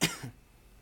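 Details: A single sharp adult cough burst with a brief second push, then quiet room noise, from a speaker struggling to hold back coughs while talking: cough.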